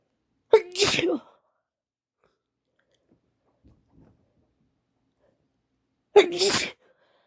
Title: Cold stuffy sneezes desperate (F)